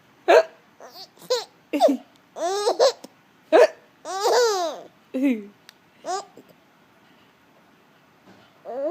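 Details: Short, abrupt voiced hiccup bursts repeat irregularly, about one a second, from a mother and her baby daughter hiccuping together, with the baby laughing and babbling in a quiet room.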